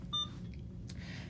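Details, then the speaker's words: Alaris IV infusion pump being powered on and set up for a new patient in a tutorial: a single short electronic beep as "yes" is selected on screen, a normal key-press confirmation. "so you'll hear some beeps if you don't hit the buttons quickly enough so what i'm going to do is hit select yes"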